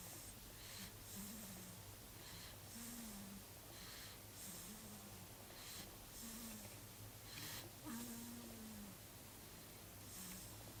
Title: a snoring grumphalumph